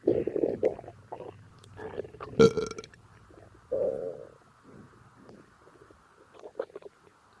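Gurgling, rumbling abdominal sounds with a burp-like burst, active bowel sounds of normal digestion.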